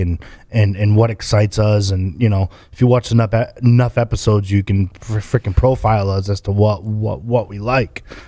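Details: Adult man speaking; Typical adult male speech.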